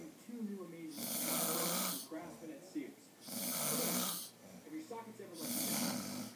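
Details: Person snoring while asleep after a long night in Vegas: loud, rough snores roughly every two seconds, each a long harsh breath with quieter breathing and mouth sounds between; ordinary heavy snoring.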